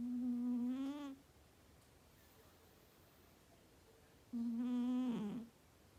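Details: Sleeping Persian cat snoring loudly: two tonal, humming snores separated by a few seconds of quiet.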